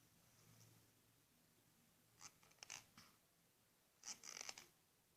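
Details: Child with 4q21.22 microdeletion syndrome grinding teeth while awake, sporadically, uses a silicone splint: two bursts of sharp, high-pitched grating and scraping; bruxism.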